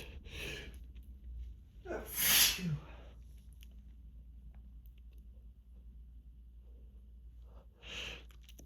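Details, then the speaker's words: One loud sneeze with a breathy lead-in and a softer breath afterward, possibly a replayed cartoon-like sneeze, within endless repeated sneezing from grass pollen allergy on days without allergy medication; sneezing. "Oh, I gotta. I just gotta sneeze."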